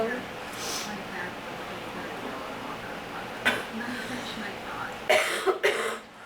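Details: Cough from a person saying they feel sick, with bad allergies and a very sore throat: one short cough followed later by a cluster of two or three coughs over a quiet room.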